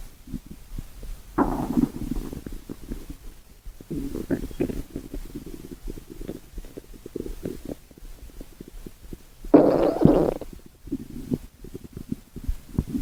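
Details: Stomach growling: irregular low rumbles and gurgles with a louder growling burst near the end, normal bowel sounds (borborygmi).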